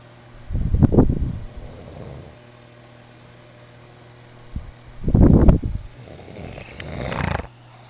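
Loud, rattling snores on the in-breath with softer breathing out, about eight breaths a minute; ordinary heavy snoring in a quiet room.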